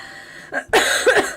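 A girl gives a few harsh, forceful coughs in a short burst, with a quiet room beforehand; a wet-sounding acute cough.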